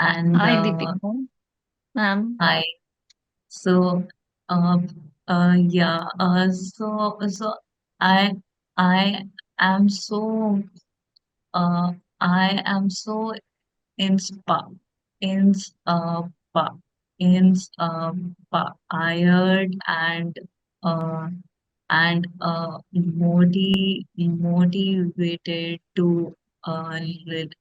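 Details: Adult woman who stammers; stuttering.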